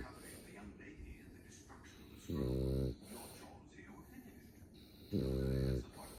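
Deep buzzing snores about every three seconds, roughly 20 breaths a minute, from a sleeping puppy; snoring.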